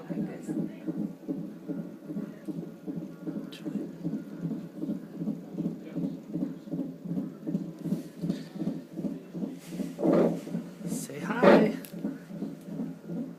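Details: Fetal heartbeat on a Doppler monitor at about 37 weeks (mother unsure of the exact week) while the baby has hiccups: fast, steady swishing pulses at about 140 a minute through a rushing background.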